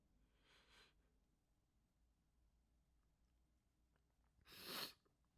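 A faint, held-back sneeze, then after a quiet pause a full, forceful sneeze. Two sneezes, the first stifled.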